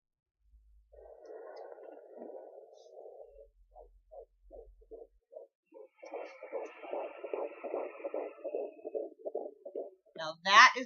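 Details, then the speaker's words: Fetal heartbeat at 13.2 weeks of pregnancy on a handheld Sonoline B fetal Doppler over the abdomen: rapid, regular galloping whooshes, much faster than the mother's own heartbeat. "sometimes I pick up my own heartbeat in my stomach and um you know it it sounds similar to the baby's heartbe heartbeat but obviously the baby heartbeat is faster than your own"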